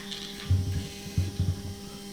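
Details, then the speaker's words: Straumann zygomatic implant drilling on a hands-on model of a severely resorbed maxilla. The drill cuts on the backward stroke with back-and-forth motion, preserving sinus lining. Low mechanical buzzing comes in short bursts over a steady hum. "see i'm drilling when i go back no forward but back"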